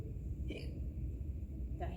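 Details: Simulated hiccups imitated by an adult reader while reading the children's story "Skeleton Hiccups": two brief, soft hiccup-like sounds over low room rumble.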